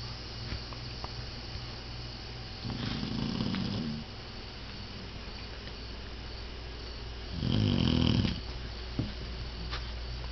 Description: My English Setter snoring